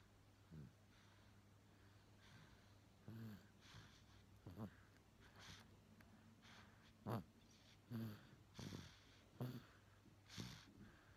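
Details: Soft, irregular snorting snores about once a second over a steady low room hum; ordinary snoring during sleep.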